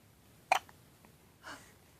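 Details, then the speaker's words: Infant with hiccups: a single sharp hiccup, then a softer breath sound in a quiet room. "Someone had the hiccups? Hi. I think someone has the hiccups."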